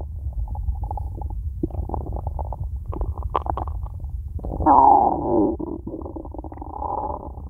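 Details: Empty stomach, nothing eaten yet that day: low gurgling, rumbling and bubbling runs with a louder growl midway; hunger stomach growling, borborygmi.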